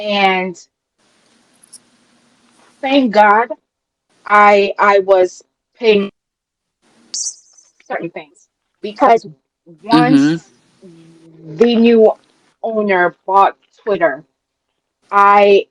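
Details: Adult woman with a self-reported speech impediment she calls a "quote unquote disability" and says listeners can hear; speech impediment.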